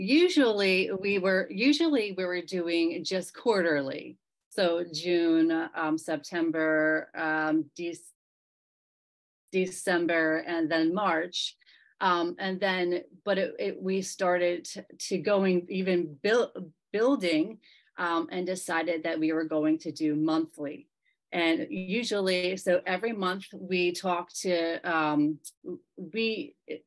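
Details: Aphasia in a member of a self-advocacy group of people living with aphasia, speaking at a virtual aphasia conference.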